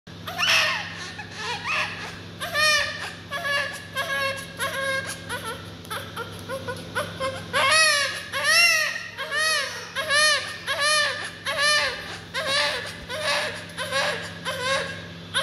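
Loud, repeated rising-and-falling wails from a newborn shortly after birth, with strong breaths between cries; a vigorous newborn cry.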